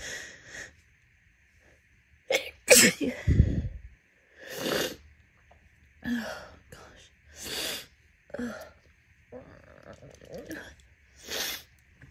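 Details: A run of forceful, wet, messy sneezes with sharp bursts and quick breaths between them, deliberately induced after a day of intense nasal itching.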